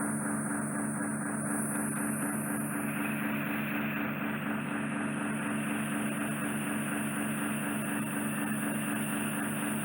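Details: Endoscopic microsuction of impacted wax plastered directly on the eardrum after cotton-bud use, probe held right against the eardrum while the patient keeps still: loud, constant hissing roar with a steady buzzing hum from the suction probe.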